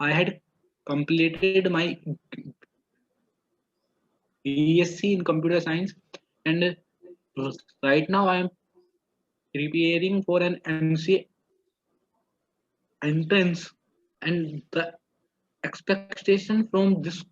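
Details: Adult man who has stammered since childhood (3rd or 4th standard), recorded before or at the start of stammering training; earlier had 3 months of speech therapy with partial improvement, then relapse. Stuttering.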